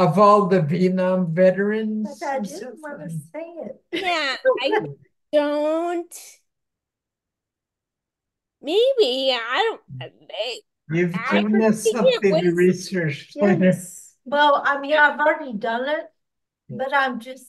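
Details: Ataxic dysarthria in a podcast host who has ataxia and reports working extensively on pronouncing words.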